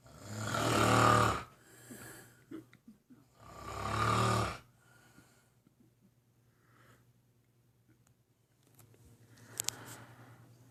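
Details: Heavy snoring in sleep with gasping breaths, likened to a walrus gasping for air: snoring.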